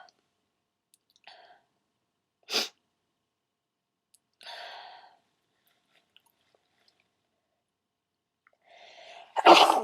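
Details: Requested loud wet sneezes, performed on request: a few quiet breaths and an inhale, then sharp sneeze bursts, the last one loud and wet, in a quiet room.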